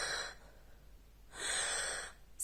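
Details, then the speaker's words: Infant with bronchiolitis-type respiratory struggle, nasal flaring and very large breathing movements: two loud, harsh, effortful rasping breaths, a sign of respiratory distress warranting emergency care. "un bébé présentant des signes de lutte respire à trois c'est à dire des les ailes du nez qui s'ouvrent des mouvements très ample pour respirer ou que quand ils respirent vous voyez que sa respiration fait ça"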